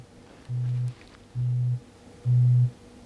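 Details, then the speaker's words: Pure-tone audiometry on a patient, right ear first: three short, steady, low-pitched test tones, each louder than the last; the patient raises a finger on first hearing. Tones run 125–8000 Hz by octave. "Je vais lui faire entendre dans chaque oreille séparément des sons purs qui correspondent aux différentes octaves, 125, 250, 500, 1000, 2000, 4000 et 8000 Hz."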